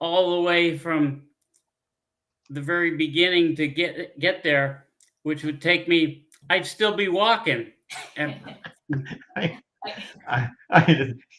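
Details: Adult man with aphasia after a stroke 15 years earlier; he cannot read or write.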